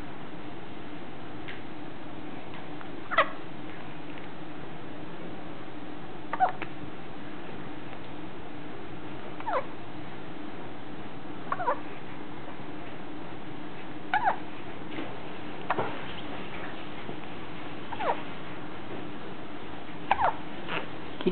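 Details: Kitten hiccuping: about eight brief, squeaky hiccups at a fairly steady rhythm over a quiet background.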